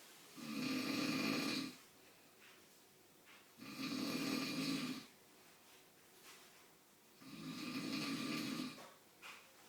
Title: Dad snoring